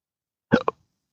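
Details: Intractable hiccups since December 2015 after surgery with multiple nerve damage (pudendal nerve injection, phrenic and vagus involvement): a single short, abrupt hiccup with a quick voiced catch in near silence.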